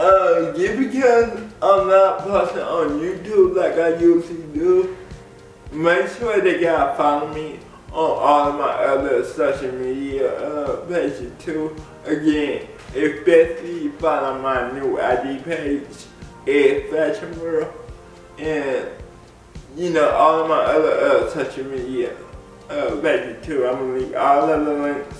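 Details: Dysarthria in an adult man with cerebral palsy; people have laughed at the way he talks since childhood. Cerebral palsy is named, but no speech disorder is formally named.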